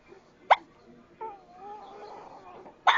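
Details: Sudden short gulping hiccup, soft whimpering sounds, then another abrupt hiccup from a young child being comforted; hiccups.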